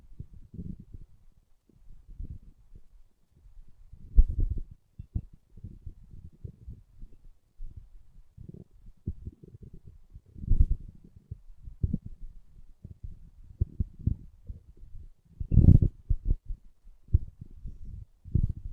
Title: My stomach growling